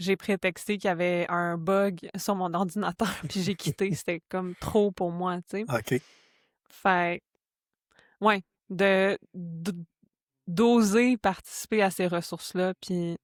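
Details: Stuttering in a French-speaking adult woman who stutters and is herself a speech-language pathologist.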